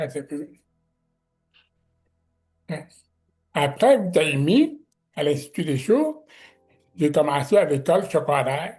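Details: Speech of a man with severe-to-profound deafness who learned to pronounce letters; deaf speech.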